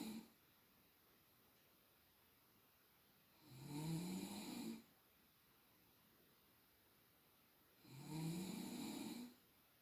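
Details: Adult woman (girlfriend) snoring during sleep, measured with a sound level meter at roughly an extra 10 dB: two low, rumbling in-breath snores, about 14 breaths a minute, with quiet pauses.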